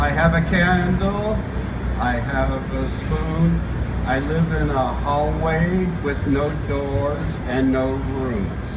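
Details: Simulated (acted) aphasia: an adult man wearing an aging-experience device that alters how he hears his own voice, making words hard to get out; aphasia described as a neurological mind-mouth disconnect.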